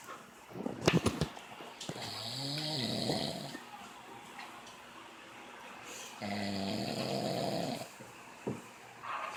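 A few sharp sniffs, then two long, buzzing, rattly snores on inhaling with quiet pauses between; snoring in a sleeping dog.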